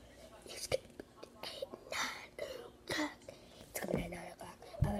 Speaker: hi I have to hiccup as always you want immediately